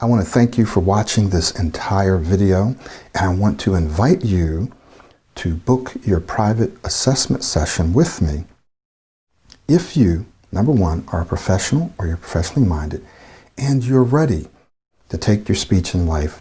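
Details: Adult male speaker; normal fluent speech.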